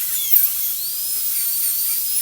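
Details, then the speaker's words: Steady high-pitched whine of a high-speed dental handpiece cutting, pitch dipping briefly under load, during a training T-shaped cavity preparation on an ivory tooth. "start dreaming always go inside while you're dribbling and come out while you're also drilling don't stop inside the cavity try to keep your hands stable and steady"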